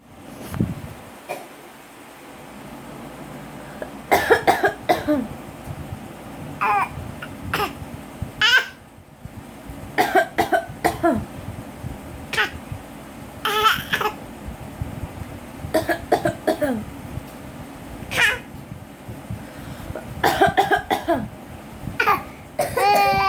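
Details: Young child imitating his mother's cough as a joke: repeated short cough bursts with playful vocal sounds between them.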